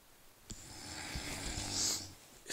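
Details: Long, rough, hissing snore on a single breath with faint room noise behind it; snoring.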